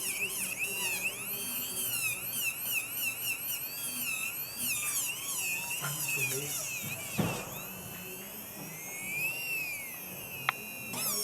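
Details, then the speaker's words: Dental handpiece whine rising and falling as the bur rounds the resin angles of a core built over a cemented glass-fibre post (modified anatomical technique) on a central incisor, recorded during a teaching class; background music. "Vou arredondar a minha resina, [Música] arredondar os ângulos."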